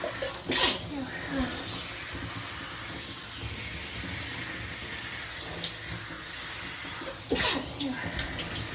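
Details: Sneezing in the shower amid ongoing frequent sneezing: two loud sneezes several seconds apart over running shower water.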